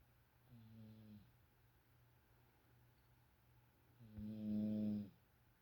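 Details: Snoring that is getting louder: two low, droning, voiced snores about three seconds apart, the second louder and longer, over a faint steady hum.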